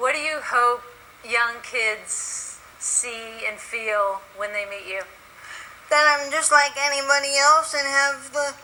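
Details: Adult women in conversation; ordinary speech.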